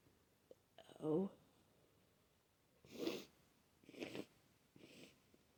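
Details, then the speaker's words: Adult with a wet cold, runny itchy nose, sneezing all day: a voiced catch followed by three quick, airy sneezes in a quiet room. "I've been sneezing all day, and I don't know how many times I've sneezed now, but I don't think I'm done."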